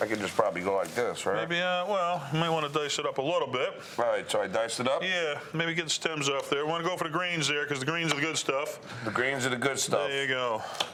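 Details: Adult men talking while cooking; ordinary speech.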